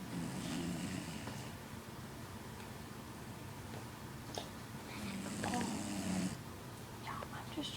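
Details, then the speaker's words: A Jack Russell Terrier snoring while hugging yarn: soft, low rumbling snores, heard only in a quiet room, with faint whispering nearby; snoring. "trying to get the loud snores. Shh."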